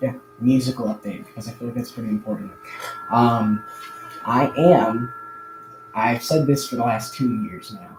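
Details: Adult man who says he stutters a lot more now than in the past; audible word repetitions; stuttering.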